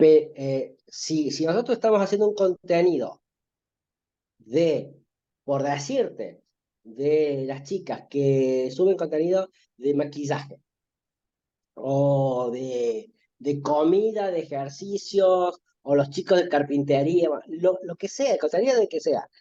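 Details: Stuttering in an adult man who says he stutters, in spontaneous conversational Spanish; stuttering.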